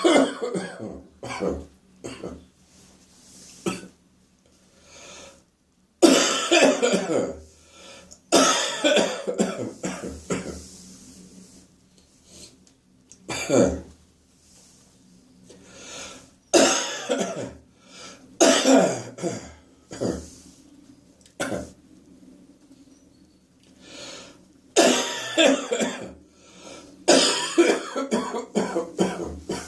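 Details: Repeated loose, phlegmy coughs from an adult, with throat clearing and gagging between bouts: residual morning productive (wet) cough with phlegm and gagging.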